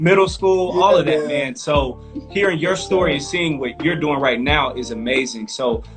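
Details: Adult male speaker; ordinary fluent speech.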